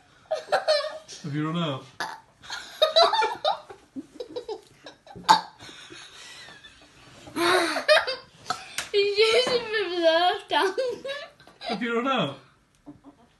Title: 5yr old cant stop burping 😂